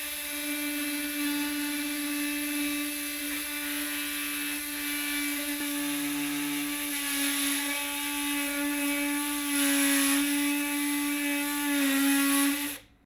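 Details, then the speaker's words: Lapidus procedure for hallux valgus, in a workshop demonstration: an oscillating saw starts a lateral, plantar-based osteotomy cut on the medial cuneiform to correct the intermetatarsal angle, with a steady buzzing hum and a grinding edge under load. "clinically the amount of correction can be anticipated by measuring the preoperative x-ray of the inter metatarsal angle and then transposing that the osteotomy cut is started with the saw"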